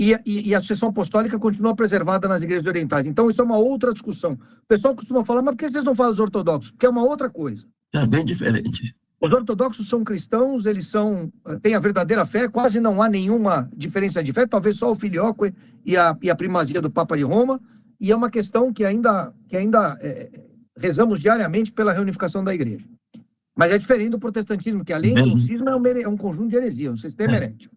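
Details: Man with spasmodic dysphonia treated with toxin injections; the toxin is wearing off, and he says his voice is worse than last time because signs return after 3–4 months, with the next injection due in early July; spasmodic dysphonia.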